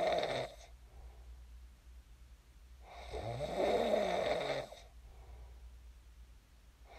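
One full rattling inhaled snore between softer breath sounds, with the edges of others at each end: sleep snoring.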